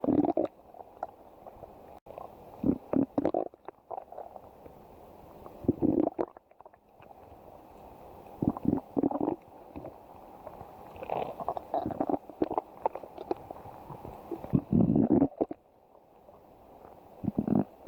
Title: stomach growling 13